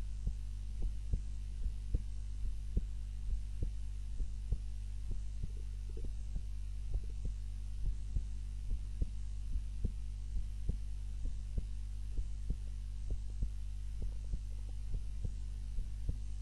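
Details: Own heart sounds recorded on a timer while napping, lying on the back (supine) rather than the usual face-down position: soft, low, regular heartbeat thumps under a steady background hum; normal heart sounds during sleep.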